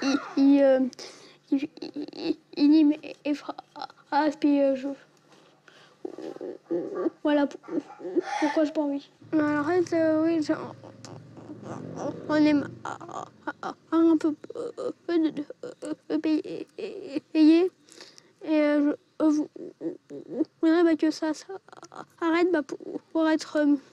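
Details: Stuttering in an 11-year-old boy, present since early childhood (about age 6); speech laborious; parents' treatment attempts so far unsuccessful; real footage.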